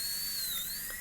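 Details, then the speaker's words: High-speed dental drill with a 330 bur, held vertical against the facial wall during a live-demo Class II DO preparation on a maxillary molar: steady high-pitched whine dipping slightly in pitch as it cuts a practice tooth. "so now I'm going to put the bur where I want it actually I'm going to put it against the facial wall I'm going to keep the bur vertical and I'm going to drill a"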